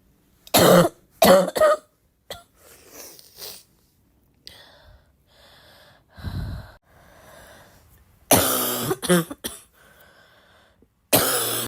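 Loud, harsh coughs come in clusters separated by wheezy, laboured breaths, a barking coughing fit.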